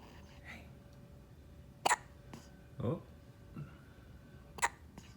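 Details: Baby with hiccups being roused from sleep: soft, quick hiccup jerks, three or four in five seconds, with faint room noise; infant hiccups.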